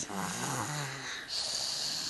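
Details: A single short, wheezy, whistling snore on a breath in, over a steady hiss; snoring.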